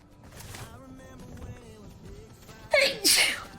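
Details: Sneeze from a young woman streamer during a live gaming stream; viewers reply with bless yous.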